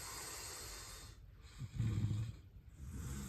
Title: #sleepapnea #snoring